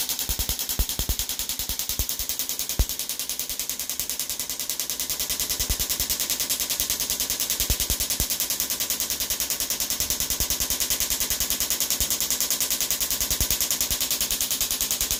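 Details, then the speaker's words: Shockwave therapy (EPAT) on a woman with bilateral Achilles tendonitis, at about 1,400 of 2,500 pulses per side: a fast, steady stream of sharp buzzing pulses, a high-frequency rattling the machine makes while running. "And this little kind of farting noise of the machine is that it's because it's very high in terms of the hertz, and if we leave it on, it makes this noise all day, and that's why when we're finished we turn it down."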